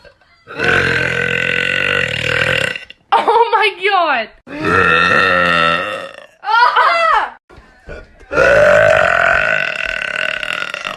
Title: TikTok Burp Compilation #2